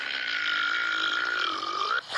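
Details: Burping contest: one long, drawn-out, voiced belch of about two seconds that rises slightly at the end.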